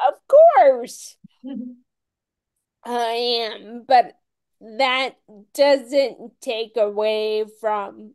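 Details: Dysarthria in a woman with Friedreich's ataxia, a rare, genetic, progressive disease diagnosed at age 16; she reports longstanding voice issues.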